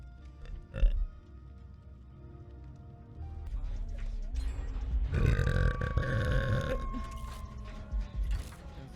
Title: Streamer burps